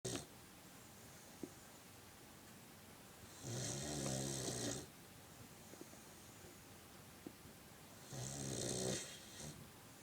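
Two long, loud rattling snores a few seconds apart, with quiet breathing between them in a small room.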